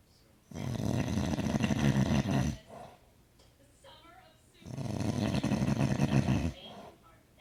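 Two long, loud, low rattling snores about four seconds apart, with quiet pauses between them: heavy snoring.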